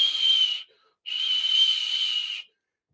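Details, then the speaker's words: Stethoscope over a hemodialysis fistula: two sustained high-pitched whistling sounds, like a tea kettle, a bruit from narrowing (stenosis) forcing blood through a tight segment. "you hear that like a high pitch sound is narrowing that's coming from when this closes it narrow it's forcing the blood to go through."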